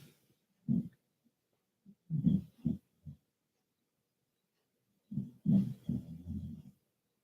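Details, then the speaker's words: Snoring from a sleeping female that stops and starts, as if eating in her dreams. "look at her let's listen to her snore see now she stopped now she stopped okay good she must be eating something in their dreams"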